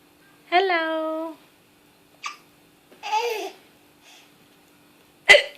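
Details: Baby aged 8½ months laughing at her own hiccups: vocalizing and laughing, then a single sharp, abrupt hiccup.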